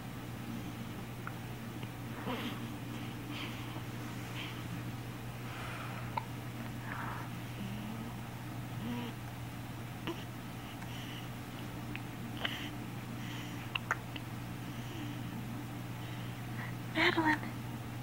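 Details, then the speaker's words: Infant girl's first hiccups: soft, brief catches at irregular intervals over a steady room hum. "You got the hiccups bad. Got them bad, huh?"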